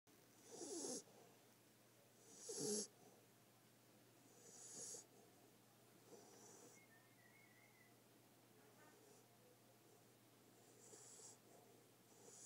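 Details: Sleeping puppy snoring: three loud, hissy, snorting breath sounds, then quieter breathing.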